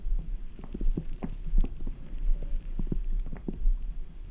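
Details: Low, irregular gurgles and bubbling rumbles over a steady low hum from the stomach after drinking ice-cold Red Bull; active bowel sounds.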